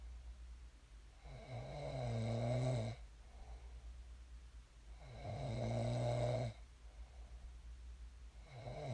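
Loud, rumbling snores on each breath in, about two in eight seconds, with quiet breathing out between them and a low steady room hum.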